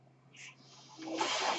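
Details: Sound of the speaker's own mechanical ventilator during recorded speech: a low steady hum with a short puff of hiss, then a rising rush of airflow as the ventilator delivers a breath.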